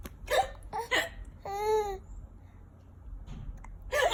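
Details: Infant with hiccups: repeated short, sharp hiccups mixed with a brief whimpering cry.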